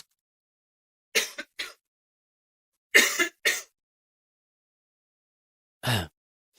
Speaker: sorry ya, tiba-tiba batuk nih. Bahaya ini.